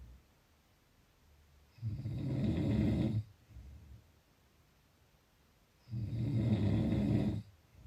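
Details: Two long, low rattling snores on inspiration, about four seconds apart, roughly 15 breaths a minute.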